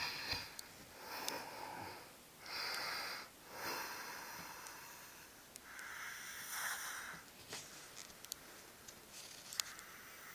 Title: snoring...